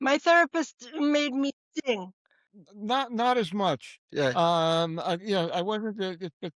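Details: Adult woman, former educator, with expressive aphasia (Broca's aphasia) after TIAs that followed atrial fibrillation and cardioversion, stroke survivor.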